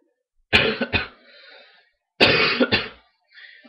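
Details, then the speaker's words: An adult man with a cold gives two harsh double-burst coughs, each trailing into a breathy exhale. "excuse me I get to ever have a cold that's why my voice sounds like this"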